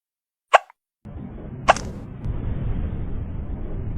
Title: Cats having Hiccups 🐱😭